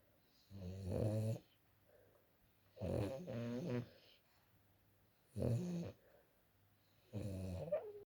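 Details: French bulldog snoring loudly, worse than a human: loud rattling snores with each breath, about 30 a minute, separated by quiet pauses; snoring in a flat-faced dog.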